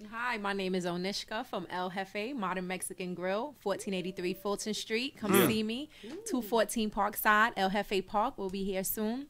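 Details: Adult woman speaking; normal voice.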